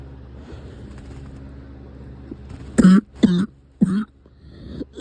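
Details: Cough that has returned: three short, harsh cough bursts in quick succession over a low engine-like rumble, as inside a vehicle.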